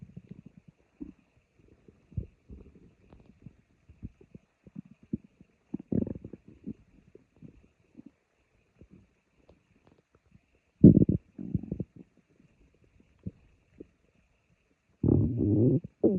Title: My stomach growling